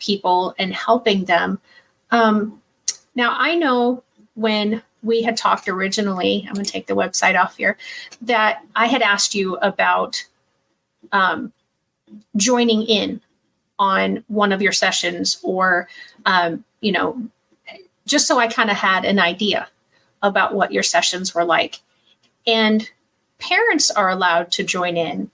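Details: Adult woman speaking; ordinary speech.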